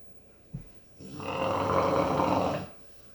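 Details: Sleeping dog snoring: a brief soft thump, then a single drawn-out rasping snore of about one and a half seconds.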